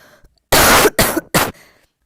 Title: кашляю вам в уши на протяжении 35 секунд